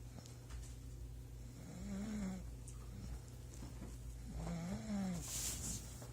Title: Loud snoring